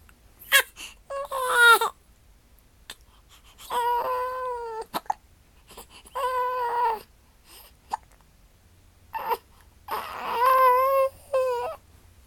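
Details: Infant crying while having hiccups: repeated bursts of crying with short catches between cries in a quiet room.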